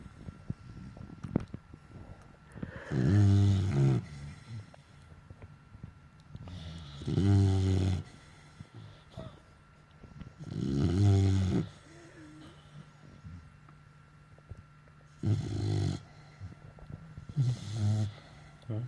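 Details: Pitbull sleeping in owner's arms: five deep, vibrating snores on the in-breath, roughly 15 breaths a minute; ordinary snoring.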